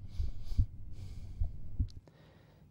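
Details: Normal heart sounds heard with the stethoscope diaphragm at the lower left sternal edge during a demonstration cardiovascular examination; no murmur described.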